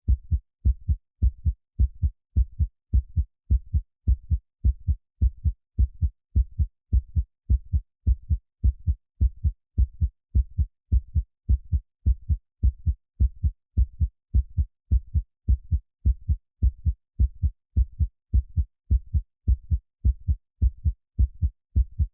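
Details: Steady, deep, evenly spaced heartbeat thumps at about 105 beats a minute with no other sounds, an infant relaxation recording: normal heartbeat.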